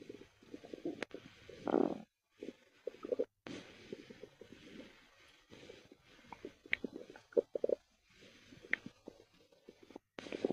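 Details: Stomach growls heard while listening to a person's belly: irregular gurgles, bubbling and rumbles with quiet gaps between; ordinary bowel activity; bowel sounds.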